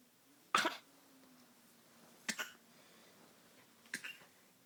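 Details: Three separate short, dry coughs from an adult, spaced over a few seconds in a quiet room.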